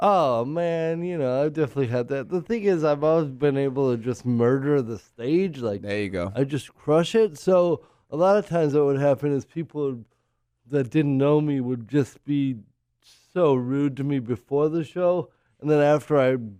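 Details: Adult male comedian with cerebral palsy; possible dysarthric speech in cerebral palsy.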